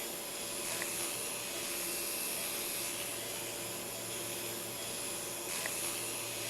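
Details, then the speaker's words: Shoulder arthroscopy for posterior Bankart lesion repair, patient in lateral decubitus position: steady high-pitched whirring hiss of a motorized arthroscopic shaver debriding soft tissue off the glenoid neck after burr debridement and labral mobilization. "a motorized shaver is then utilized to further debride soft tissue off the neck of the glenoid"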